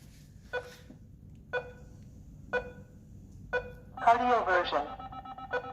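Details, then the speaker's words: Evenly spaced electronic beeps about once a second, then a rising warbling tone as a hospital defibrillator charges during its basic self-test check in a demonstration; defibrillator self-test charging tones. "देख charge होना शुरू हो गया खुद बुद आप setting सारी बताएगा"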